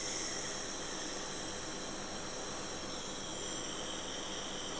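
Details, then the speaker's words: Steady, loud hissing whir with no pauses from a nebulizer compressor pushing air through the medicine chamber as mist starts coming out; used for asthma, cough or sinus issues. "you start seeing the smoke coming out or the Mist coming out of this and that's how it works"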